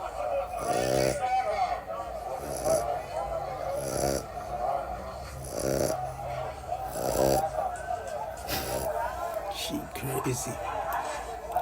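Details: Snoring from a sleeping French Bulldog: repeated rattling, snorting snores, some background noise.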